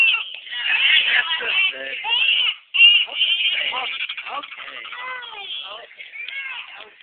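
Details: An infant great-nephew cries in repeated, rising and falling wails with brief pauses because he is hungry: hunger cry.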